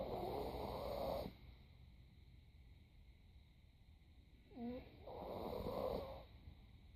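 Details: Soft, buzzing snores at regular intervals with a faint squeak between them, in a quiet room: light snoring.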